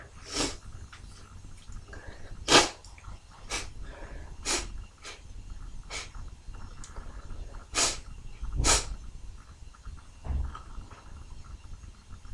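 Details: Morning sneezing fit: several sharp, wet, sputtering sneeze bursts with quiet pauses between them, spraying messily; repeated ordinary sneezing.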